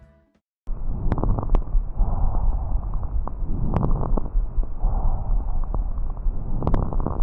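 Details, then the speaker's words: Fine crackles in a lung auscultation demonstration: high-pitched, brief, sharp pops clustered near the end of each inspiration through a stethoscope, likened to rubbing strands of hair together. "podem ser comparados ao ruído produzido pela atrito dos fios de cabelo aos cutados principalmente nas zonas pulmonares influenciadas pela força da gravidade quando originados por congestão pulmonar agora um exemplo dos estertores finos"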